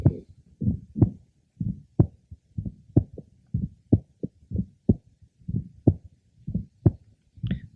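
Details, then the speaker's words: Man with a congenital bicuspid aortic valve confirmed at catheterization. Aortic ejection sound well heard at the apex, not decreasing with inspiration and mimicking a split first sound, with a fainter diastolic murmur. "aoic ejection sounds are often well heard at the Apex this is a good example"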